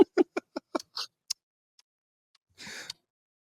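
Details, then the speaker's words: Imitated, not recorded: after open-heart surgery, a man mimics with rapid sharp mouth clicks the ticking of his new mechanical heart valve, which he hears in his left ear. He says it is probably faster than the real valve. A breathy exhale follows. "so my new valve I can hear it ticking every single time it goes"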